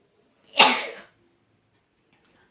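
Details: One forceful, explosive hissing burst fades over half a second, then a faint sniff, in a recording of nose blowing and sneezing: a single sneeze.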